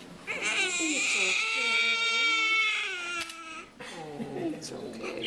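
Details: Day-1 newborn crying with hiccups: a long, high wailing cry, a brief catching pause, then more crying.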